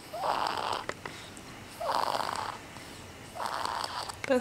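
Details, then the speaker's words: A sleeping young one snoring like grandpa: three rough, rattling snores about a second and a half apart with quiet breathing between them. "it's sofia snowy she is snoring sofia you sound like your grandpa"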